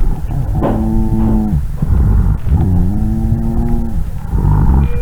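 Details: Low-pitched snoring, rumbling tones through each breath over loud background noise; rhonchi from secretions in larger airways. Breath-sound quiz clip for an emergency medical technician seminar, with the answer agreed by several pulmonologists.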